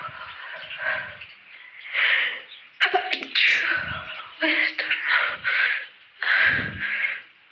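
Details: Run of several self-induced sneezes from a person with a cold: explosive, hissing bursts of air with quick breaths between them.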